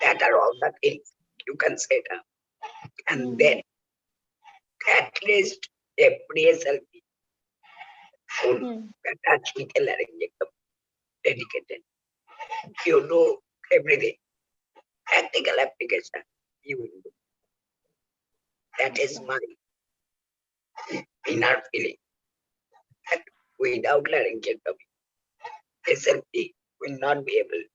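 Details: Adult male laryngectomee whose voice box was removed for cancer, using oesophageal speech by the injection method; oesophageal speech after total laryngectomy.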